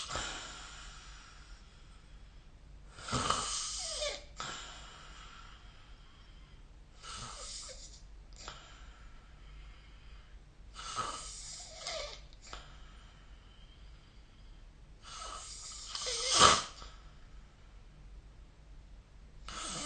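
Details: Snoring during sleep recorded with the SnoreLab phone app: five rasping, snorting inhales about four seconds apart, roughly 15 a minute, each followed by a quieter breathy exhale.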